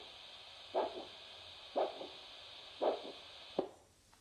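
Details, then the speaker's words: Handheld Doppler probe with plenty of gel across the front ankle crease: regular whooshing arterial pulse bursts, about 57 a minute, over steady hiss, an audible anterior tibial pulse signal. "Again, moving slowly, plenty of gel, searching for an audible signal."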